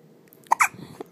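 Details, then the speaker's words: Two-day-old newborn boy, awake in hospital, with two quick, abrupt little catches of breath close together in a quiet room; newborn hiccups. "he was born two days ago on June 27 now we got hiccup boy"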